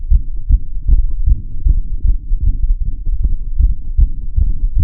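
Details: Heartbeat recorded through a stethoscope, audio tweaked afterwards: loud, booming low thumps repeating steadily with a muffled rumbling quality.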